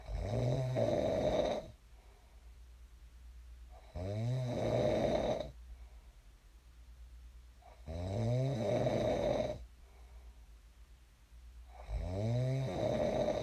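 Regular deep snores on each breath, about fifteen a minute, each a long rough rattling drone. Steady snoring in sleep.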